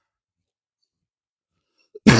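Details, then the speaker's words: Adult with a really bad, irritating dry cough: near silence, then a single abrupt harsh cough burst at the very end. "You will hear that quite a bit because I've got a really bad particularly dry cough and it's irritating me to death."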